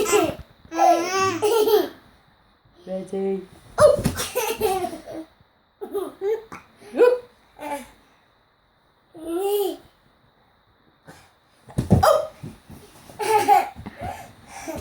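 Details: Baby giggling in bursts, broken by short abrupt hiccup sounds while an adult talks softly in a small room. Hiccups.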